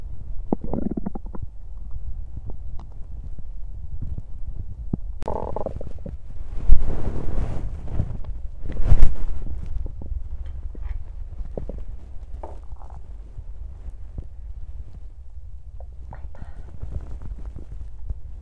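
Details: Low, irregular gurgles and rumbles from a person's belly while digesting; ordinary bowel sounds.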